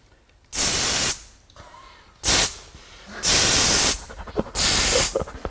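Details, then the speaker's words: Four loud hissing bursts, each about half to one second, from a cooling spray pain-relief patch (spray pas) used as first aid for a mild ankle sprain or minor injury; aerosol spray. "맞아요. 진짜 뿌리시는 소리가 나는데. 스프레이 파스도 괜찮죠."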